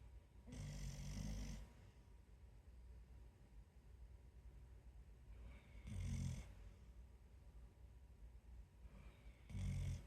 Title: 04-06-2025 snore